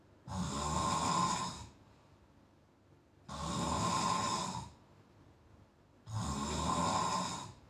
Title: Bhai Dusro Ka Bhai Khayal rkhle kharrrte #snoring #problem #follow #painful